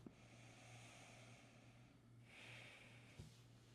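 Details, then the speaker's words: Nasal pillow CPAP mask with tube on top, worn as if lying on a pillow: steady airflow hiss with soft, direct but quiet exhalation from the vent and low hum; seals well with no leak. "That exhalation is pretty direct right there, but it's not overwhelming. I'm hopeful that you could kind of hear that it is still really quiet, but you're gonna feel it a little ways out."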